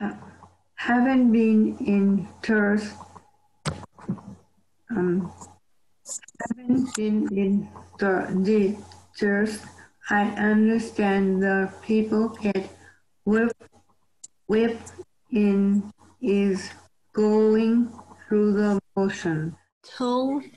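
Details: Member of a community group for people with aphasia and other acquired neurogenic communication disorders after stroke or traumatic brain injury; specific diagnosis not stated; aphasia.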